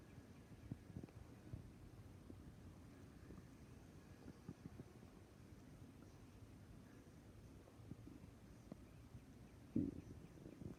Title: Stomach growling